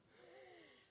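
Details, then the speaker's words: An adult's own wheezing at bedtime, described as needing the nebulizer: a single breath carrying a clear, high-pitched musical whistle typical of narrowed airways. "show it like it is but as you can hear my wheezing it's time for the nebulizer and bedtime"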